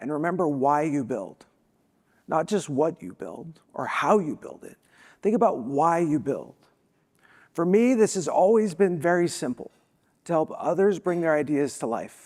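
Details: Spasmodic dysphonia, a vocal disability, in an adult woman who states she is not sick.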